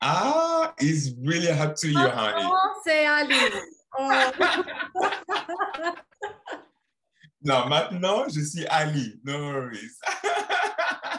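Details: 28-year-old man who has stuttered since about age 7–8 and still stutters sometimes; stuttering.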